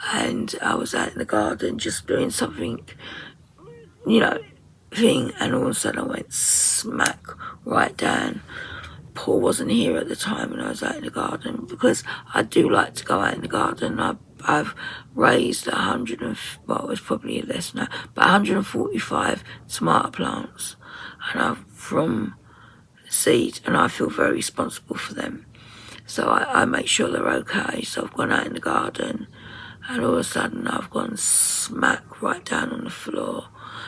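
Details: 57-year-old woman with muscle tension dysphonia (very tight, stressed muscles around the vocal cords) beginning after COVID pneumonia, also affecting swallowing; severe at times, in speech therapy; ENT found mucus and laryngeal infection.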